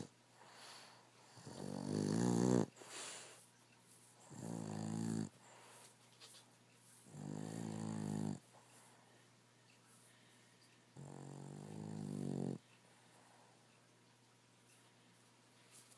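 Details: Sleeping rescue Boston Terrier/French Bulldog mix: four rumbling, fluttering snores on in-breaths, about 15 a minute, in a quiet room. Ordinary snoring.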